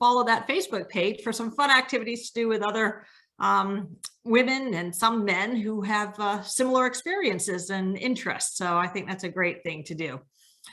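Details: Adult woman; Normal speech.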